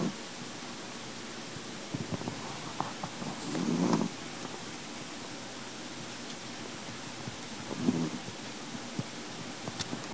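Soft rattling snores from a small sleeping dog, roughly every four seconds, over steady room hiss.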